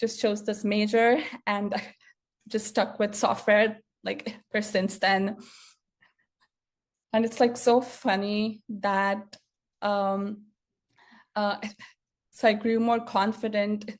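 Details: Adult woman who has stuttered since childhood, which she says speech therapy did not improve; stuttering heard in her speech.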